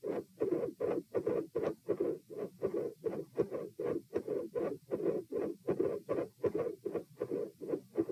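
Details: Normal heart sounds recorded supine (lying flat) at position P: steady paired heart sounds in a regular rhythm at about 80 beats a minute.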